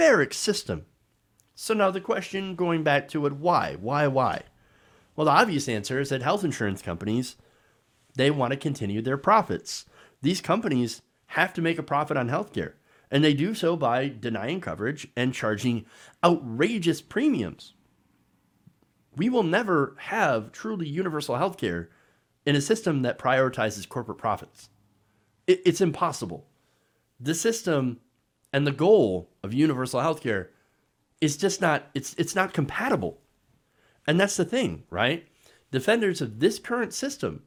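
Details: Adult man speaking; normal speech.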